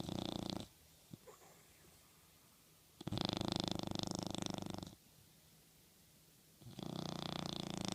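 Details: Small toy dog sleeping and dreaming on a pillow, snoring: three long rattling snores with quiet pauses between them.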